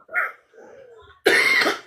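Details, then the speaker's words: Adult who says they are sick gives a short cough, a quieter voiced sound, then a louder, harsher cough burst. "We're sick. It is what it is. You can hear the coughing."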